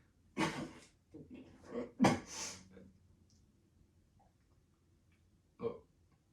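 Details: Acted coughing in a comedy skit: three abrupt, harsh bursts with short throaty voiced tails and quiet gaps between them: cough.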